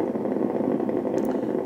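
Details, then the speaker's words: Needle EMG of an arm muscle with no abnormality on insertion, as the arm is raised gently and then fully: dense crackling roar of basic motor units without reinnervation; normal full interference pattern. "you see more motor units all the way and these motor units look perfectly"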